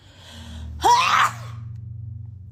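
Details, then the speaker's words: One forceful sneeze, with a sharp intake of breath just before, over faint steady room hum, from a person with allergies and a runny nose during a sneezing fit; sneeze. "I feel sneezing fit coming. It comes and it goes."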